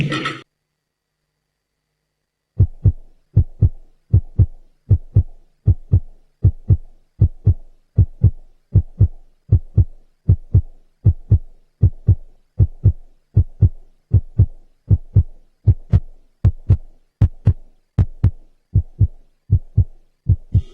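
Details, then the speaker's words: Fetal heartbeat on ultrasound monitor, steady regular whooshing at about 78 beats a minute, played as a pregnancy surprise in a TV drama scene, not a real recording. "ये हमारे baby की दिल की धड़कन है। तुमने मुझे जिंदगी का बेहतरीन तोहफा दिया है आज। ये जो आज आवाज तुमने सुनाई है ना मुझे, मैंने जिंदगी में नहीं कभी सुनी।"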